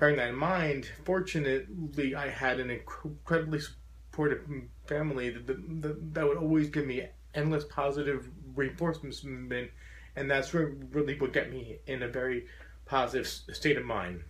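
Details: Adult man with a very severe stutter since childhood, once taking up to five minutes to say his name, who says he still stutters profoundly; stuttering.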